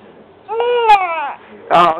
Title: Crying